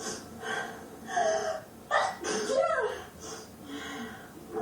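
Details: Woman's dramatic sneeze attack, which she finds highly pleasurable: voiced, exaggerated build-up sounds, then a sharp explosive burst and trailing vocal release; theatrical sneezing.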